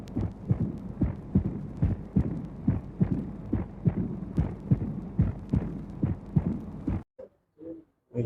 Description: mixed murmors in infective endocarditis. In this patient murmors of mitral regurgitation, tricuspid regurgitation and aortic stenosis is audible.